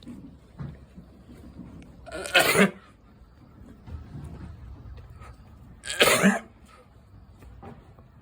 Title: 羊のくしゃみ🤧 #shorts #sheep #animals #sheep sneeze